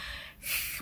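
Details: Palatal lisp, acted demonstration by a speech-language pathologist: the tongue curls up to the roof of the mouth, blocking the air so the /s/ sound is not made correctly.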